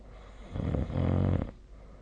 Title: 🐽 本日のイビキ / Snoring Sleep Sound 2025/02/28